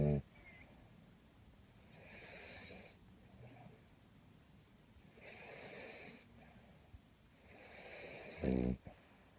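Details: Snoring in sleep: three slow, rasping breath sounds about three seconds apart, with soft noise between them.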